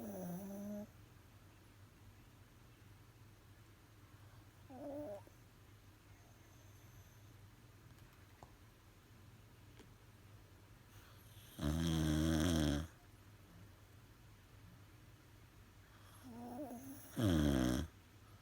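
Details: Sleeping dog snoring: a few low, rattling snoring breaths at irregular intervals against quiet room hum.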